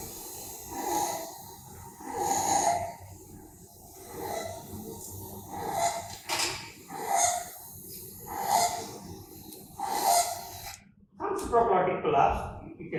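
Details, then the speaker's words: Child with laryngomalacia and pharyngomalacia, the whole pharynx collapsing: repeated harsh, partly musical noisy breaths, a stridor-type noise. "So that is the reason this noise is more of a stridor type. So laryngomalacia and pharyngomalacia."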